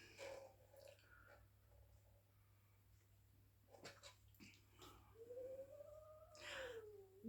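A sleeping dog makes short snorting grunts, then a drawn-out tonal groan, in a quiet room: ordinary sleep noises in an old dog.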